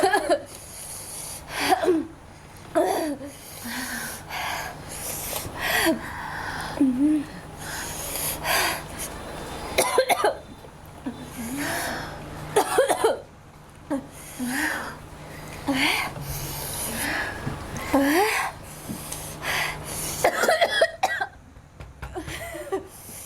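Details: Girl coughing and gagging: repeated harsh cough bursts with throaty retching and gagging sounds between them, in a small room.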